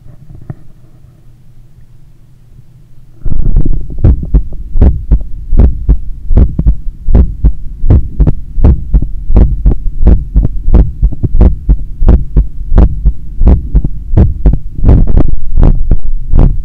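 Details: Self-recorded after a 10 km run, lying on the left side on a daybed, stethoscope on the chest while trying to control breathing; strong, regular thumping heartbeat at about 86/min over a steady low hum; normal heart sounds after exercise.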